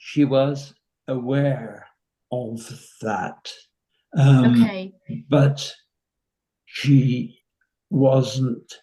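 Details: 85-year-old man with nonfluent variant primary progressive aphasia, confirmed by specialists after about four years, with little speech therapy received; slow, effortful speech; finding: nonfluent variant primary progressive aphasia.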